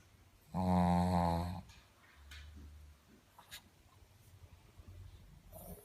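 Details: Sleeping dog snoring: one loud, buzzing, droning breath sound lasting about a second, followed by quieter breathing.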